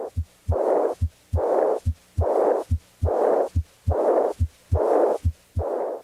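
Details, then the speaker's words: Demonstration with the stethoscope diaphragm at the left second interspace and down the left sternal border toward the apex: regular heart sounds about 71 a minute with a high-pitched, soft, blowing, decrescendo early diastolic murmur of aortic regurgitation. "listen at the left second interspace and down the left sternal border to the apex for the high-pitched soft-blowing decrescendo diastolic murmur of aortic regurgitation pause periodically to allow the patient to breathe if the patient had this murmur it would sound like this"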